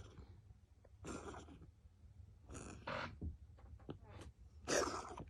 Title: кот кашляет